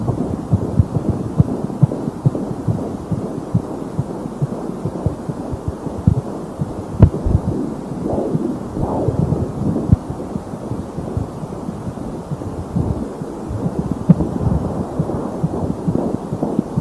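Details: Fetal heartbeat at 16 weeks of pregnancy heard through a Doppler: rapid, rhythmic whooshing pulses.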